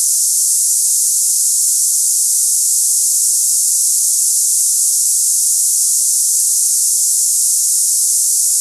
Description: Cicada hissing sound tinnitus sample for people experiencing ringing ears, buzzing sounds, hissing in ears, or cicada-like tinnitus noises.